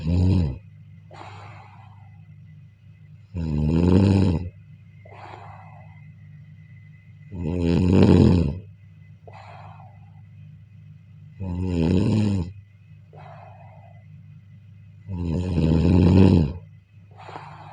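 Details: Loud rattling snores on each in-breath, about 15 a minute, with quieter out-breaths between them, heard during sleep: ordinary snoring.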